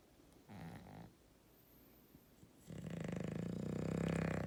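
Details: Sleeping dog: a short snore, a pause, then a long, loud, buzzing, rattling snore on the in-breath; snoring.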